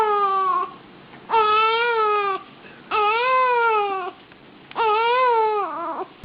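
Four long, tonal wailing cries separated by short pauses, a sustained infant cry.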